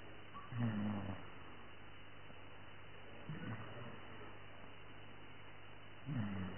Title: snoring!